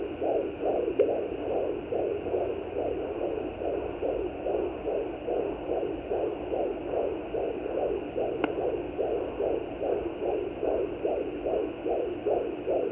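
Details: Fetal heartbeat at 20 weeks of pregnancy on a Sonoline B fetal Doppler: rapid, regular whooshing at about 146 beats a minute, with a couple of clicks from the active baby moving.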